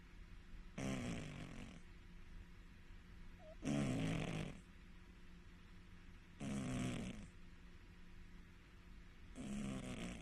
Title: CAT SNORING SOUND WHILE SLEEPING #short #cat #snoring